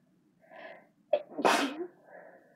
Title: Were Back! Sneezing using chhinkni.